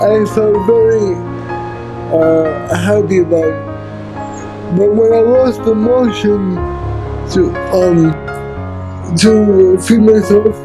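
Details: Adult man with cerebral palsy who uses a wheelchair; dysarthric speech (cerebral palsy).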